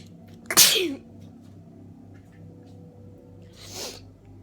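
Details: A person with a cold, bundled up in bed at Christmas: one loud, sharp sneeze and a softer second one a few seconds later in a quiet room; sneezing.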